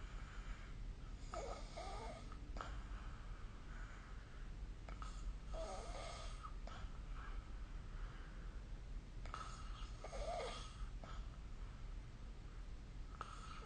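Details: Snoring recorded with the SnoreLab app: three rough, rattling snores on breaths in, about 13 a minute, over a steady low background hum; ordinary snoring during sleep.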